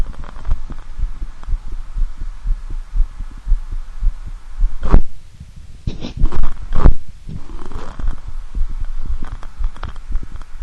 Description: Video of me examining myself with a standard stethoscope. My real heartbeat sound